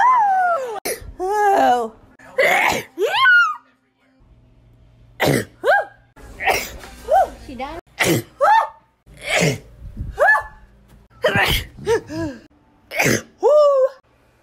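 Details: About eight sharp, explosive sneezes in a row, several with a rising voiced lead-in: ordinary repeated sneezing.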